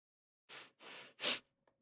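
Two quick hissing breaths in, then one loud explosive burst: a single ordinary sneeze.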